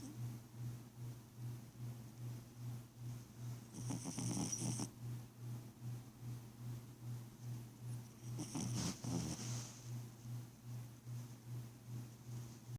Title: Rico Suave the Cat Snoring